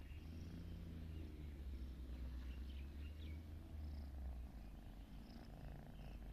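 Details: Snoring from a sleeping baby cat.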